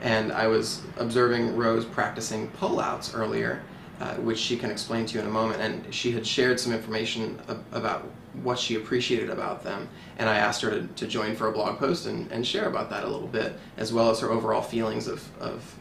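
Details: Adult male speaker; normal fluent speech.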